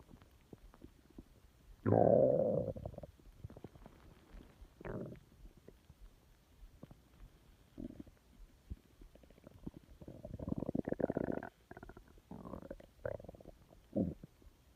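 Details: Stomach growling (borborygmi): a loud gurgling rumble followed by several shorter bubbling growls from the belly; ordinary stomach growling.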